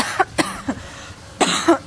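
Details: Adult woman who is sick and taking many pills, in the countryside on a cold winter day: several short, sharp coughs in quick bursts, about five in total.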